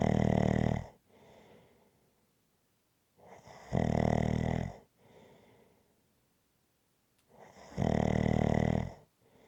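Loud, rough, rattling snores on each breath in, with quieter breaths out, about 15 breaths a minute, steady rhythm.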